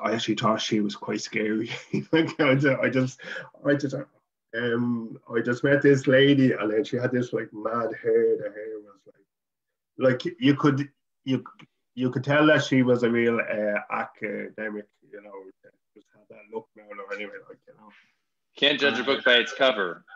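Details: Adult man from Dublin, Ireland, who stutters, former chairman of the Irish Stammering Association; stuttering.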